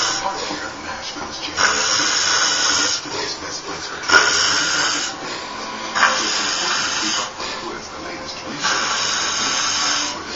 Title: Snoring